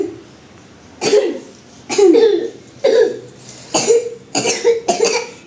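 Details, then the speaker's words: Acted skit: six short, voiced coughs in quick succession from children, about one per second, coughing after eating ice cream. "ngapain batuk-batuk tadi maam apa tadi maam es krim"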